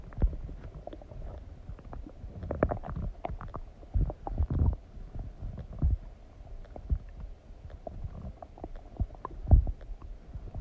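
Irregular low gurgles and rumbles from the abdomen after eating, ordinary digestive bowel sounds.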